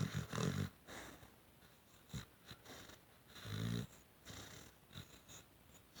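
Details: Female pitbull sleeping with her tongue out, giving irregular, rough, low snorting snores with brief wheezy whistles between them, unusual even for her; snoring.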